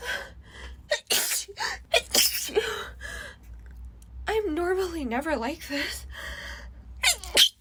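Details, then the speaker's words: Sneezing fit in a woman who says she never sneezes: repeated forceful sneezes with sharp intakes of breath, brief talk and a laughing sigh between; sneezing. "oh this is just really weird because I I never sneeze"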